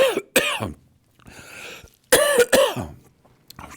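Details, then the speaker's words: Cough from an adult who says he is a bit unwell, first losing his voice and now coughing: two pairs of short, harsh bursts with a quiet breath between. "ben moi j'arrête pas de tousser vous avez entendu là"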